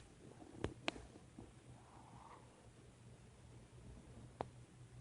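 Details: Bowel sounds (borborygmi) from an adult's noisy stomach: a soft gurgling rumble amid quiet room hum and a few faint clicks.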